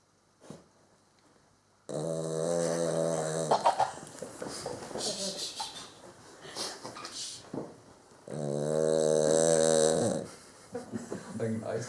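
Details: Sleeping dog Valentina gives two long, loud, rumbling snores with softer snuffling breaths between them; snoring.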